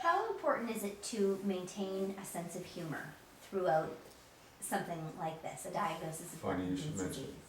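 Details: Adult woman; normal speech.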